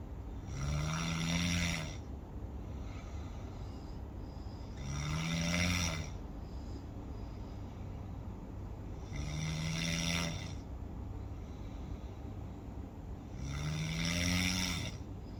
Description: Sound Effect: ASMR Snoring Sound